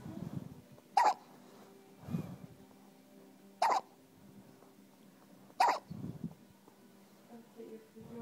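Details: A baby's hiccups: three sharp, high-pitched hiccup squeaks about two seconds apart between soft breathing sounds, which the parent says sound like a little puppy.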